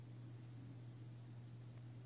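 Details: A Philips Respironics DreamStation CPAP with its ramp used to temporarily lower pressure, easing up over about 15 minutes: a steady low hum and soft airflow hiss; CPAP airflow at reduced ramp pressure.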